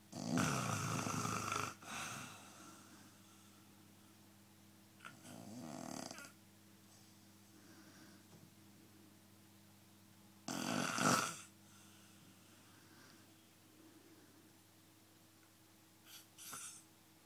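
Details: Loud, harsh snores on the in-breath at irregular intervals, with quieter breathing between and a steady background hum, from a sleeping person whose partner complains about it; snoring.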